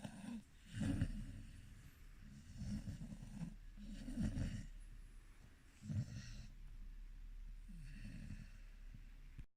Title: He snore, part 2